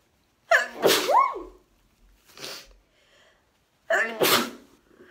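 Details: Two loud sneezes, each a rising voiced inhale then a sharp burst, with a soft sniff between, from a woman with hay fever (pollen allergy): allergic rhinitis sneezing.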